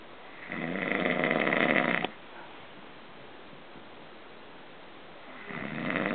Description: Amazing how he can sleep through his own snoring, yet I say his name and he JUMPS.